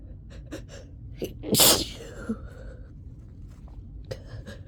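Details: Quick catching inhalations build to one loud explosive sneeze, then sniffing and breathing, during a summer cold with repeated, uncontrollable sneezing.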